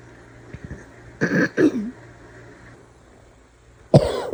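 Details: Cough after trying to suppress it for a long time: three loud, harsh coughs after brief throat noises, with a barking quality; barking cough.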